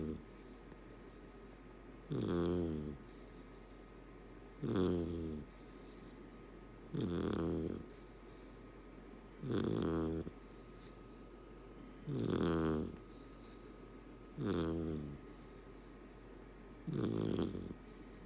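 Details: Golden Retriever puppy snoring: regular rumbling snores, seven over about eighteen seconds, roughly 24 a minute, each a buzzing breath in during sleep.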